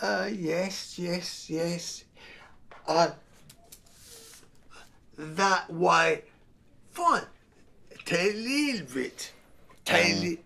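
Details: 55-year-old man four months after a devastating stroke, in inpatient rehab and using a wheelchair, with right-sided weakness; he is barely able to speak, lacks fluency and hunts for words, consistent with non-fluent aphasia.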